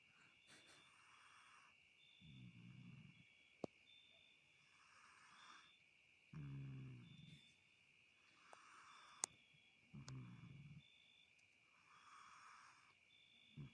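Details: Snoring from a sleeping female cat: soft, rhythmic, low rumbling snores every few seconds over a steady high background hum.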